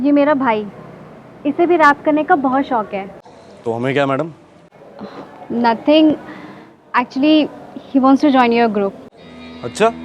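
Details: Adult speakers in acted dialogue; normal speech.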